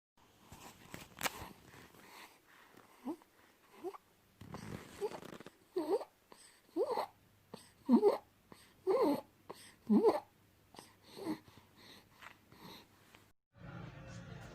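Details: Infant breathing fast with a high, squeaky, crowing noise on each breath in: inspiratory stridor from laryngomalacia.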